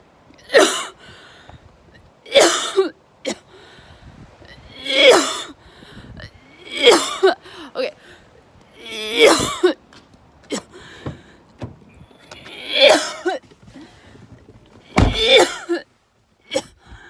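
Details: Adult exposed outdoors to an onshore red tide in Vero Beach, Florida, coughing uncontrollably: repeated harsh coughs, throat clearing and sneezes. An irritant reaction to airborne red tide toxins.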